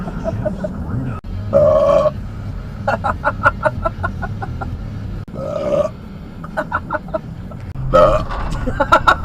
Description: Just a few of my random burps caught on dash cam! :p